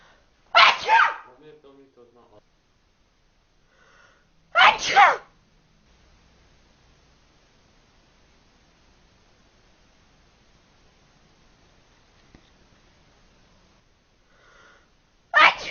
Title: Sneeze!